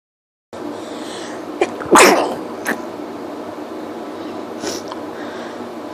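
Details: Sneezing set off by pepper: one forceful sneeze with a small catch before it and a sniff after, over faint room noise.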